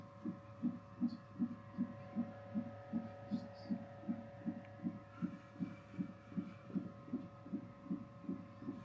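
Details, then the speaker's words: Fetal heartbeat on CTG during labour induction after the waters broke, in a first-time mother: fast, regular whooshing beats at about 155 per minute, normal fetal heart rate, with room hum. "Um they hooked me up to the CTG um just for 30 minutes to check how baby was doing and everything was fine."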